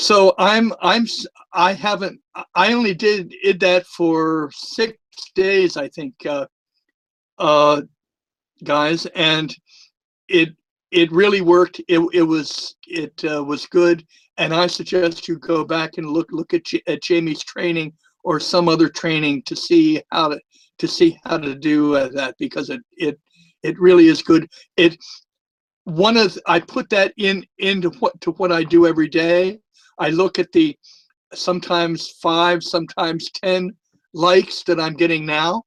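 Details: Retired adult male former social worker with a speech impediment, a lisp and stuttering for years, more noticeable with the microphone close to his mouth; stuttering.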